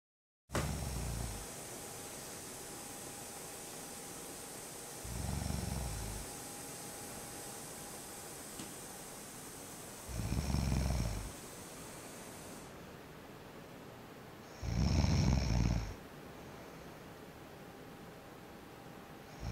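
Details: Snoring: low, rumbling snores recurring about every five seconds, roughly 12 breaths a minute, over steady room hiss.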